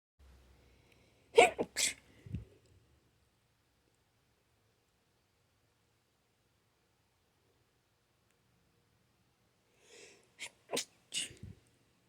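Two separate sneeze bursts, each a quick intake then a sharp explosive release, separated by silence; ordinary sneezing.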